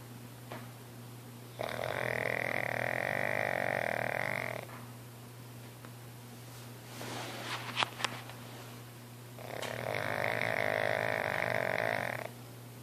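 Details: Snoring hard while napping: two long, loud, buzzing snores, each lasting about three seconds, over a steady low room hum; snoring.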